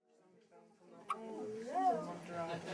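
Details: Newborn baby girl's hiccups: a single sharp infant hiccup, then soft baby fussing sounds in a quiet room.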